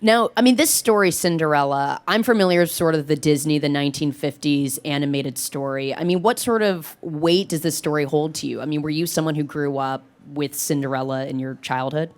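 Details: Adult speaker; normal voice.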